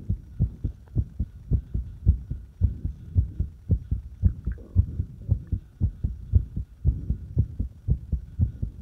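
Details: Irregular fast heartbeat: rapid, low heart thumps at about 113 per minute with uneven spacing between beats.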